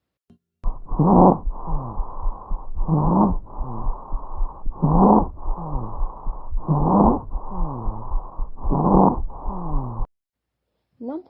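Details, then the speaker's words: Stridor from partial obstruction of the larynx or trachea (e.g. diphtheria, acute laryngitis, tracheal stenosis) on lung auscultation: loud, harsh, high-pitched musical noise on every breath, about 32 breaths a minute. "oduzido pela semi obstrução da laringe outraqueia o que pode ser provocado por difeteria laringites agudas CAD laringe estenose de traqueia quando a respiração é calma e pouco profunda sua intensidade pequena entretanto na hiperpneia o aumento do fluxo de a intensifique esse som agora um exemplo também do som escritor"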